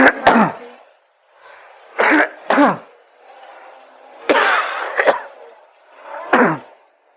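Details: Acted scene of an adult man with a cough lasting over 3 weeks, suspected pulmonary tuberculosis: repeated harsh, rough coughs in several bouts in a small room; persistent chronic cough.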